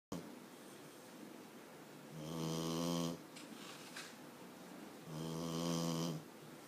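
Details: Sleeping puppy crammed in a cardboard box, two long low buzzing snores about three seconds apart with a softer breath between; snoring.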